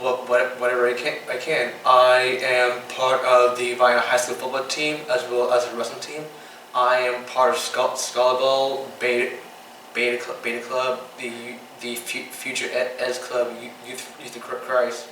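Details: 15-year-old boy with Tourette syndrome, diagnosed by a neurologist in third grade (age 8 or 9), with motor and vocal tics including blinking, coughing and mouth noises; vocal tics with stuttering-like repetitions (Tourette syndrome).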